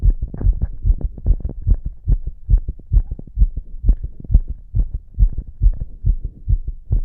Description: See my heart beating fast like it's excited. I placed two stethoscopes on my chest because I wanted to listen to it when it started to beat super fast with poppers.